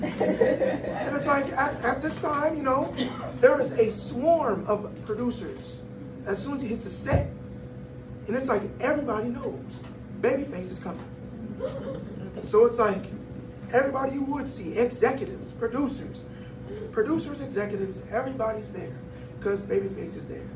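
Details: Breathy voice in a 22-year-old man from incomplete vocal fold closure, linked to extremely premature birth at about one pound, with lungs and vocal cords developing as he grew; the cords still don't close fully.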